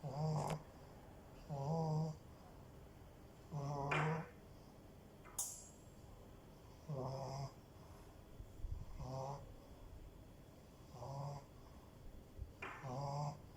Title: Cute french bulldog snores!!! The cutest... #puppy #blu